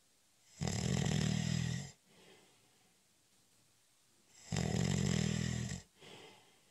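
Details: Adult snoring during a short, light nap (cat nap): two loud, rough snores about four seconds apart, each with a softer breath out; ordinary, harmless snoring.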